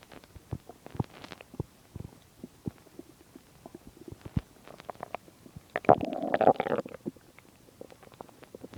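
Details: Irregular soft gurgles and clicks with a louder rumbling gurgle midway; stomach growling (borborygmi) from digesting a large meal, in a person whose stomach is usually quiet.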